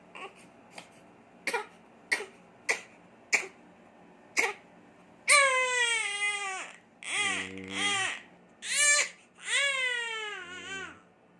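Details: Infant cough at 2am on day 47: about seven short, sharp coughs in a row as the baby struggles with the cough, then loud, distressed crying.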